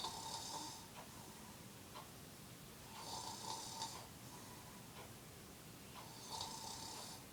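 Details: Rhythmic snoring from a sleeping adult man, one noisy, whistling breath about every three seconds.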